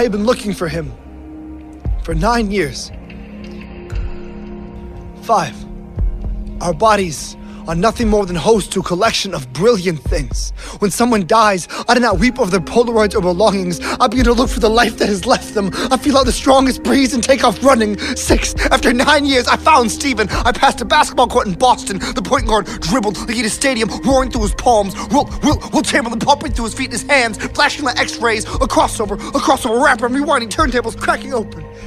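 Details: Adult speaker, spoken-word poetry; normal speech.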